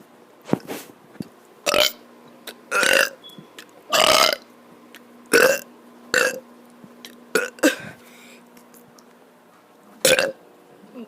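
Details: Child deliberately burping after running a lot and then getting hiccups, recorded on an iPad: about nine loud burps at irregular intervals in a quiet room with a steady background hum.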